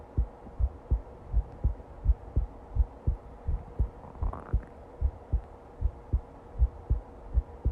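Steady, regular lub-dub heart sounds at about 82 beats a minute over a low background hum.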